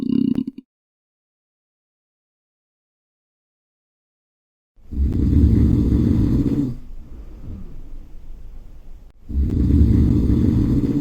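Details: Snoring.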